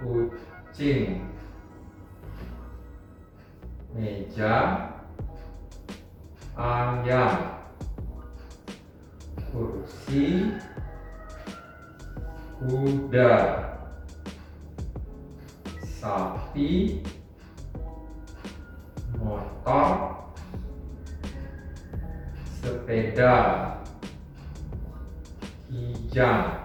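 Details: Acted 50-year-old male with uncontrolled hypertension and suspected stroke, communication difficulty for 1 week, during a naming-animals fluency task; Wernicke's aphasia.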